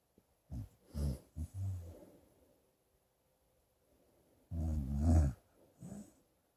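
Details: Low grunting, rumbling breath sounds in short bursts with pauses between from a dog sleeping; harmless snoring.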